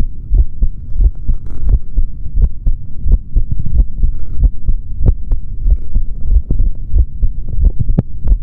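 Steady heartbeat through a stethoscope with a low background hum and some rubbing noise; normal heart sounds.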